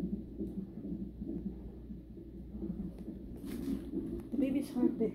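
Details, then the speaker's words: Soft rapid whooshing Doppler fetal heartbeat, about 136 a minute, during a 37-week non-stress test for a high-risk pregnancy; mother says it's not that strong but gets stronger and faster whenever he moves; faint talk near the end. "heartbeat is not that strong. Every time he moves, the heartbeat's getting strong and fast."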